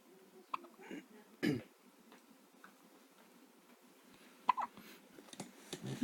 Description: Little baby used to have the hiccups all the time in mommy's tummy. These were the first real hiccups since she has been born.